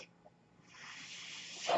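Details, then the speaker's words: Speaker's own mechanical ventilator, heard in the background while he talks on his podcast: a mechanical ventilator breath cycle. "I hope the good comes in my name is mark that noise earrings my ventilator and thank you so much for tuning into Bates terminus they were not my stores my guests may the force be with you"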